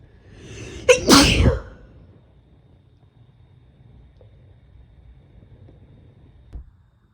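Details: A quick inward gasp, then one sharp explosive single sneeze from a woman, followed by quiet room noise, induced; sneeze.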